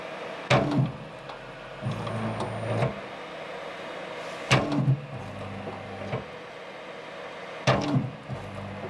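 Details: Repeating cycles of a motor-driven arm squeezing an Ambu resuscitation bag in a DIY open-source ICU ventilator prototype, a sharp click and whir at each breath, about every four seconds, while inhale-to-exhale ratio settings are changed.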